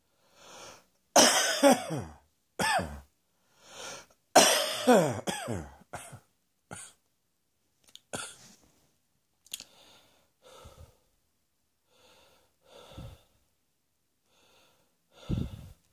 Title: Morning Reflux Cough 1